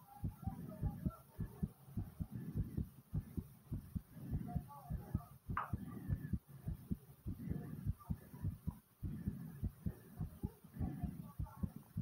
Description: In this video my heart is beating super fast and pounding hard after some squats